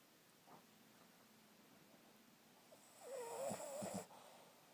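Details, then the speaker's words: Snoring in a sleeping pig: quiet breathing followed by a louder, rough snorting breath with a faint squeaky tone. "good morning good morning hey you were snoring pretty big time morning baby all right sorry what"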